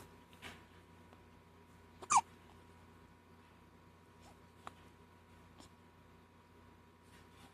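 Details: Hiccups: a few small, abrupt hic sounds over steady room hum, one louder than the rest.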